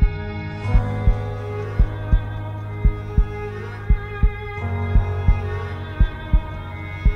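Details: Produced heartbeat sound effect in an epic music mix: steady low thumping, about 57 beats a minute, laid over dramatic orchestral music.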